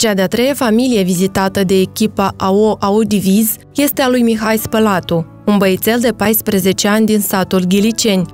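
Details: Adult female news narrator; typical speech.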